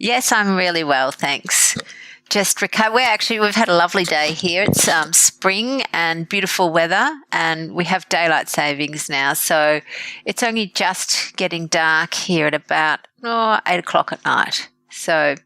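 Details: Adult woman speaking; Normal voice.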